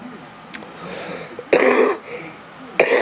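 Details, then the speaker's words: Adult man, a former smoker with a cold, coughing: two harsh, loud cough bursts after a small throat noise. He says the cough reminds him of his smoker's cough. "this cough I got reminds me of being a smoker when I was a smoker I had this kind of cough"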